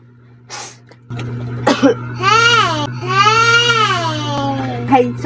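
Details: Toddler reacting to a sneeze prank: a sharp noise, a short breathy sound, then two long, clear crying wails over a steady background hum.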